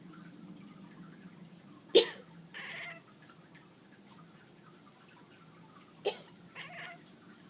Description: Funny Cute Cat's sympathy cough